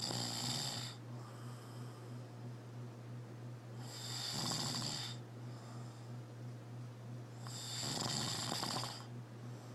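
Three rasping snores on regular in-breaths, about 18 breaths a minute, over a steady low room hum.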